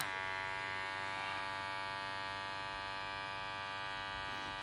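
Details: Care Touch wrist blood pressure monitor taking a reading: steady high-pitched motor whine as the wrist cuff inflates.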